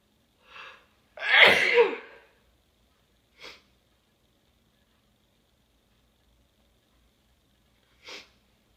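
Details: Person giving big sneezes, allergies suspected: a quick in-breath, one loud explosive sneeze, then two short sniffs in a quiet room; a single sneeze.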